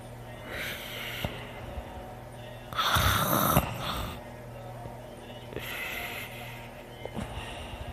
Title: me snoring loud with heavy breathing